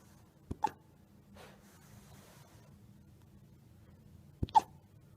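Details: Wolf pup with hiccups: two sharp, abrupt hiccups about four seconds apart, each a quick double catch of breath, in a quiet room.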